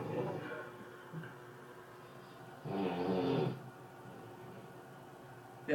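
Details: A sleeping friend, heard over a PS3 voice chat, gives one loud, rough snore on an in-breath after a fainter snore; apnea is jokingly mentioned.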